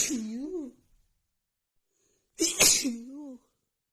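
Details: Two voiced sneezes with sharp hissing bursts separated by a pause, recorded in the morning a few days before spring; rapid sneezing attack attributed to flaring seasonal allergies.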